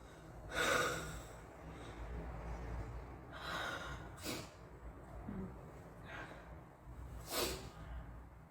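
Several sharp bursts of air with hissing noise, each brief and abrupt, consistent with repeated sneezes.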